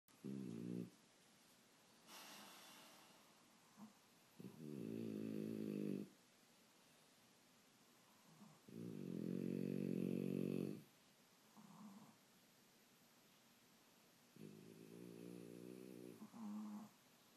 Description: Gaston, a French Bulldog and Regalia, a Brussels Griffon, trying to out snore each other.